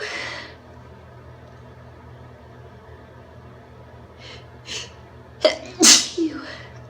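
Quiet breaths build to a sharp catch, then a loud explosive sneeze with a trailing exhale. An induced sneeze.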